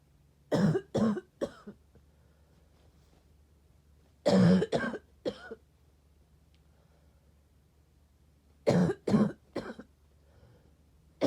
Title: Sick coughing